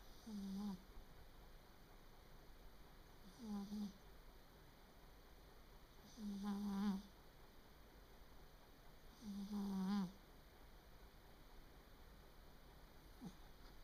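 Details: 3-year-old male Japanese Bobtail cat snoring, which the owner calls a strange sound: soft, low snoring with a slight hum, about 19 per minute, over a steady background hiss.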